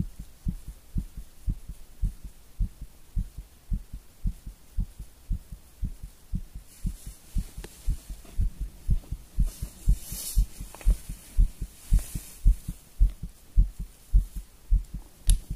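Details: Strong, thudding heartbeat at about 110 a minute with faint rustling, recorded after coffee and nicotine; a rapid, forceful heartbeat.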